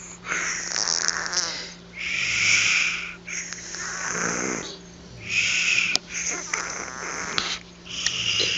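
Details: Distinctive snoring: rough, hissy sleep breaths about 20 a minute with a vibrating snore on each breath, over a steady background hum.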